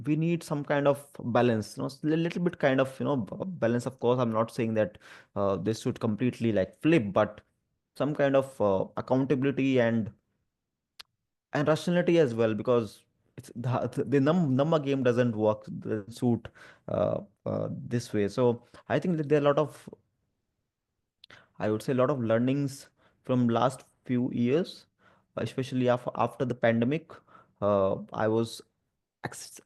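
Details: Adult who stammers (stutters) and is a disability advocate, with stuttering reported especially on the "through" sound and on his own name; stuttering.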